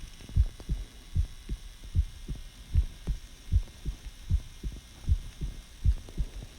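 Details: A person's own heartbeat, recorded to hear the heart sounds in more detail rather than the rhythm, as they ask whether it sounds healthy: regular paired low thumps at about 77 beats a minute over a steady low hum, ordinary heart sounds.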